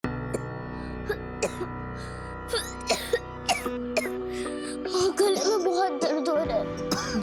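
A run of short, dry acted coughs in quick bursts over steady background music; a repeated cough.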